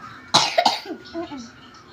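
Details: A child who is feeling unwell and has been coughing gives a sharp, dry double cough followed by a brief voiced sound.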